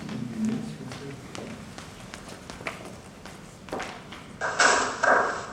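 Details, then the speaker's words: Short burst of buzzy, blurred speech-like sound with fine voice detail lost: vocoded speech simulating cochlear implant hearing with a limited number of channels; cochlear implant simulation. "alors je vais vous faire écouter ici une simulation d'un implant cochléaire"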